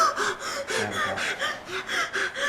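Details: Simulated dental-surgery medical emergency training scenario: a patient makes rapid, shallow gasping breaths, several a second, from hyperventilation (over-breathing).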